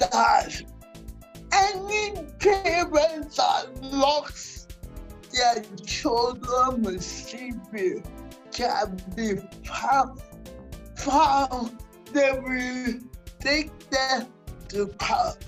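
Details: Dysarthria in a 47-year-old woman with cerebral palsy that presents through her speech.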